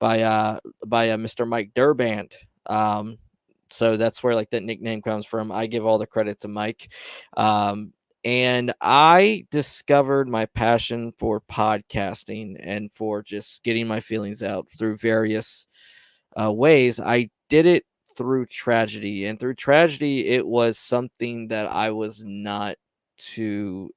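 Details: Stuttering in a man who reports his own stutter, speaking on a live stream; word repetitions are heard.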